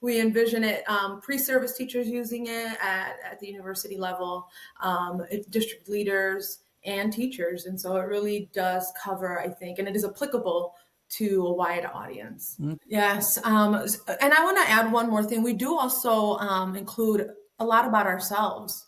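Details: Adult female speaker; normal speech.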